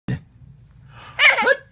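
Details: Sneezing: a sudden explosive burst of air followed by a noisy, voiced 'achoo' release, a single sneeze in a quiet room.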